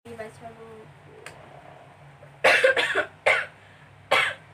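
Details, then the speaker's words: An acted cough in a quiet room: a double burst, then two single harsh coughs. The person has coughed since yesterday with an itchy throat and possibly a cold, in a reflexology demonstration. "kamu kenapa? Lagi batuk nih, gak tahu kayaknya. Udah lama batuknya?"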